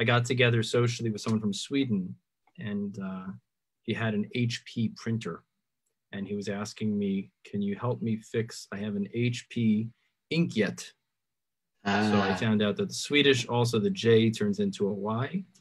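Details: Adult man; Normal speech.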